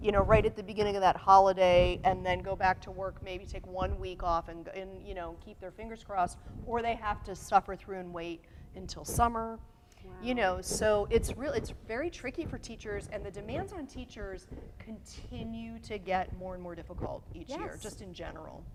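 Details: Adult woman speaking; Normal voice.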